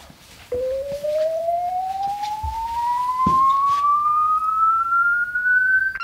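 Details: corpuls3 defibrillator with shock paddles in AED mode, training demonstration: after gel applied and rhythm analysis started, a steady tone rises smoothly in pitch for several seconds as it charges before shock, with faint room noise.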